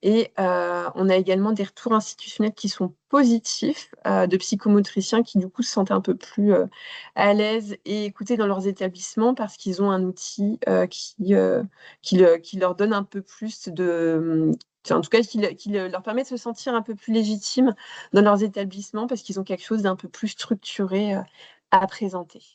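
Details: Adult woman speaking French; Ordinary speech.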